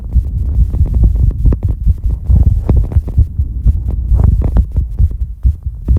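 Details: Loud, rapid low thumps around 130 a minute under rumbling heavy breathing, recorded during a breath-hold after exercise: fast heartbeat after exercise.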